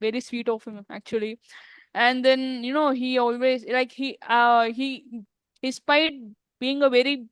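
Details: Adult woman who stammers, in a real English-language podcast interview: stuttering.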